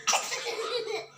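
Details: A child's short, breathy acted cough in a skit about smoking causing cough.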